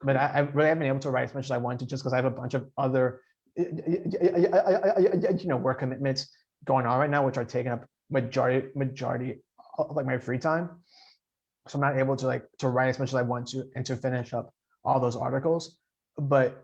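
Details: 28-year-old man who stutters and has attended stuttering support groups, speaking with part-word and whole-word repetitions; stuttering.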